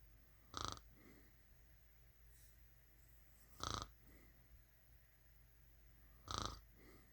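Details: Three short, loud, snorting snores about every three seconds over a low steady hum; snoring.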